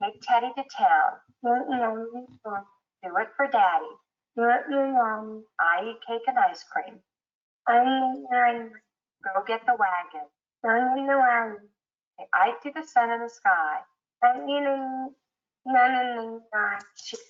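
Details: Child with 22q deletion and marked hypernasality, many M and N sounds in speech; hypernasality with nasal substitutions.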